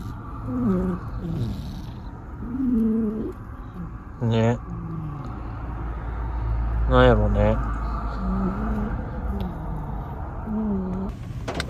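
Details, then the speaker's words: Cat with suspected cold, possibly pneumonia or heart disease, makes repeated faint whistling, wavering asthma-like wheezing breath sounds with a couple of short meows. "なんか喘息みたいなね、音聞こえるんですよ。"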